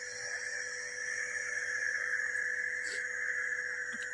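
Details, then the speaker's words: Nebulizer machine giving steam to a small child whose phlegm has set in during cold weather, to loosen it and ease breathing; steady droning hum with buzzing hiss, unchanging throughout: nebulizer machine running. "तो मैं अभी उसको इससे भाप लगाऊंगा ताकि उनका cup ढीला हो सके और सांस लेने में आसानी होगा।"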